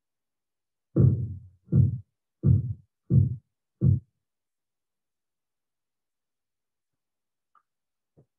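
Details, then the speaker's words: Five regular thumping taps at about 85 a minute, then silence: Korotkoff sounds heard between systolic and diastolic during cuff deflation, reading 84/66, low blood pressure. "so the only time you'll hear a sound is when the pressure in the cuff is somewhere between systolic and diastolic"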